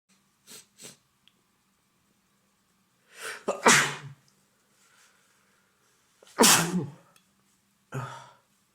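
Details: Acted role-play of a male boyfriend with a cold that started yesterday, very congested with an itchy nose, sneezing at night: several strong, uncontrollable sharp sneezes, each with a quick inward breath first, in a quiet room.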